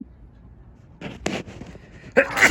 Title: A sneeze and some nose blowing #sneeze #noseblowing